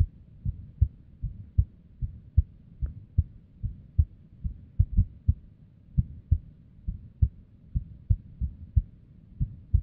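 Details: Female resting heartbeat recorded with simple microphone or headphone: heart sounds about 100 a minute with uneven spacing; various arrhythmias and abnormal beats, irregular heartbeat.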